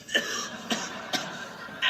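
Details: A man coughing: three to four short, dry cough bursts in under two seconds; plain cough.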